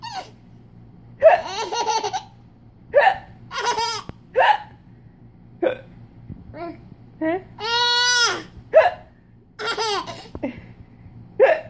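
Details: Mother's hiccups: short sharp catch sounds mixed with bursts of a little girl's giggling and laughter at them; hiccups.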